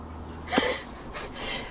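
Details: Single abrupt, brief voiced gulp against steady room noise, fitting a hiccup: hiccups.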